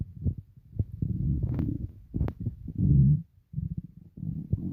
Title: Stomach rumbling (headphones advisable)